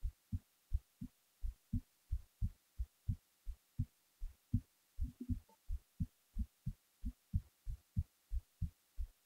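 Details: Heartbeat recorded while the person was falling asleep: steady paired low thumps, about 90 beats a minute, in a quiet room.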